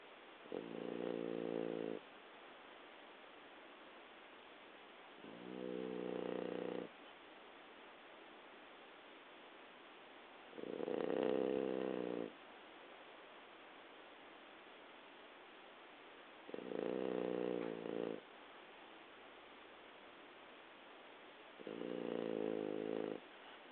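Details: Sleeping French Bulldog snores loudly in regular bursts, about 13 breaths a minute; the snoring was very loud as a puppy and has become quieter with age: stertor from a noisy upper airway.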